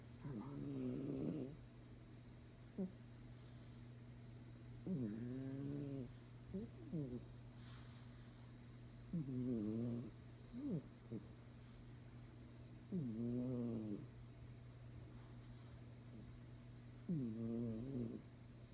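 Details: Regular snoring with a vibrating, whistling tone on each breath, about fourteen breaths a minute, over a steady low hum.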